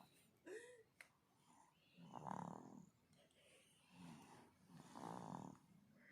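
Soft, irregular snoring sounds on breathing in, about two breaths in six seconds, with brief whimper-like noises; light snoring in a sleeping baby.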